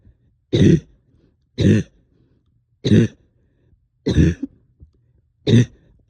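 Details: Cough in a person up all night with a heavy chest and headache and stubborn sticky phlegm: five short, harsh bursts about one a second with brief pauses, with a wet, phlegmy edge.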